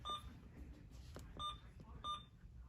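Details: Alaris IV pump, basic infusion setup with peripheral IV, TKVO primary rate of 25 cc being entered: three short, high, clear electronic keypad beeps with quiet room noise behind.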